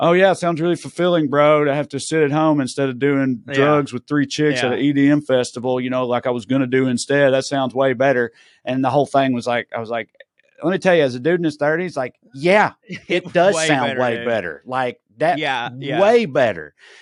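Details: Adult man speaking; normal speech.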